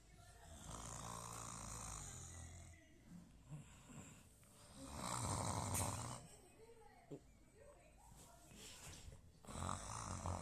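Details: Snoring: loud, rough rattling bursts recurring about every four to five seconds on inhalation, with quieter gaps and faint room noise between.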